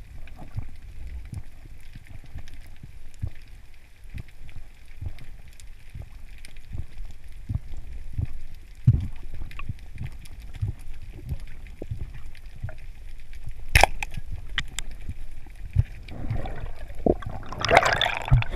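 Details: A diver's heartbeat picked up by a GoPro underwater while he dives to hunt a fish: soft, regular, low thumps, muffled and mixed with bubbling and splashing.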